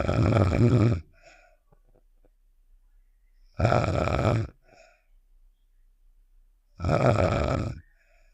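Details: Game sound effect of the character Star snoring (Save The Shapes), simulated: three loud, coarse, rattling snores with silent pauses between, about 18 a minute.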